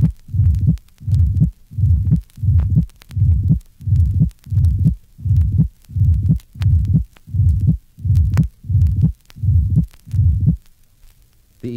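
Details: Patient with systemic hypertension: regular heartbeat with a short ejection mid-systolic murmur, best heard at the second right intercostal space, and a loud aortic second heart sound.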